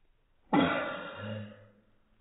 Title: Slow motion sneeze